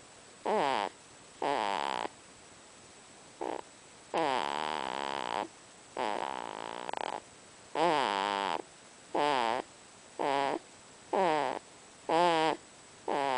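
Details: Newborn baby girl snoring lightly while asleep: repeated short, squeaky, high-pitched breathing noises about once a second.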